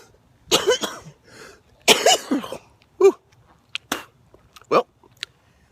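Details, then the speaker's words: Harsh, wet coughs with throat clearing between them in a quiet setting from an adult male with cystic fibrosis and diabetes, in a video about running; productive cough of cystic fibrosis. "very common with me i cough so much that I throw up and if that happens to you I'll tell you sometimes it's very difficult to stop throwing up"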